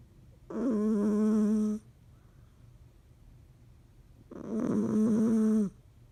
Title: Cat snoring loudly